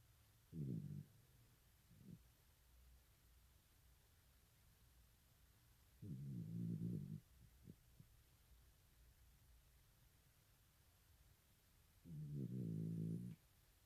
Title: This Dog is Snoring Loud